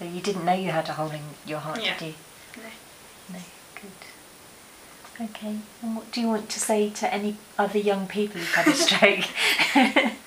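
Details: Adult interviewer speaking, with brief replies from a second speaker; no speech disorder.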